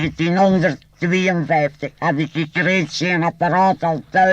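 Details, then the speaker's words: 1964 recording of speech after laryngectomy with a pneumatic artificial larynx, a membrane driven by lung air expelled through the tracheostomy and piped to the mouth: Dutch speech on a flat, steady buzzing tone. "includes a group of appliances which have a membrane set in motion by air expelled from the lungs through the tracheostomy the sound thus produced is conducted by means of a tube to the mouth"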